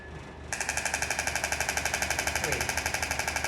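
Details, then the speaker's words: Radial shockwave device with plastic or Atlas end and gel over the AC joint and long head of biceps, 2.6 bar at 15 Hz; rapid regular clacking starting abruptly. "place this with some gel and we go straight over the ac joint what have we got we've got 2.6 bar and 15 hertz"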